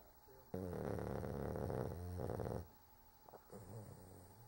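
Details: Snoring in a sleeping pet named Cork: one long, rattling, fluttering snore of about two seconds, then quieter breathing.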